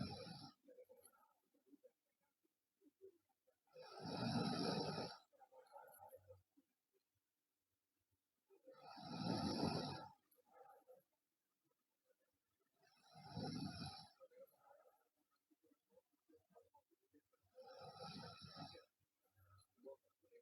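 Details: Loud, rough snores on each breath in, about 13 a minute, with quiet breathing between: heavy snoring in a sleeping girl.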